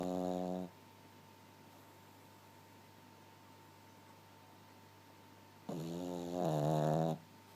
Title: Lily Pup fast asleep snoring :)